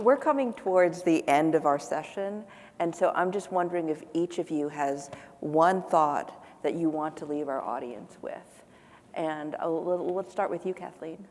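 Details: Adult woman; typical speech.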